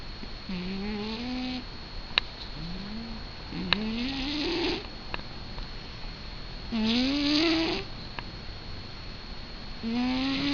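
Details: Snoring in Jupiter, a sleeping cat, in a dark quiet room: whistling, rising-pitched breath sounds repeating about every three seconds, around 20 a minute.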